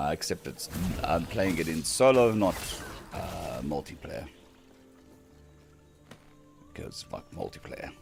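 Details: Dysphonia in a man on day 2 of recovery after vocal cord surgery; cords mostly healed but lacking strength and stamina, sounding laryngitis-like, with physiotherapy pushing the voice.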